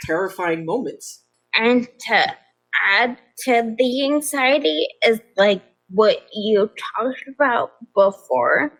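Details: Adult woman with progressive ataxia of still-undiagnosed type despite many genetic tests; began at age 26; affects nerves, balance and speech, with nerve pain; mainly a wheelchair user; also severe anxiety and depression; ataxic dysarthria.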